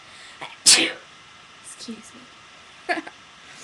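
A sharp sneeze, then a second smaller sneeze burst, with faint talking in a quiet room.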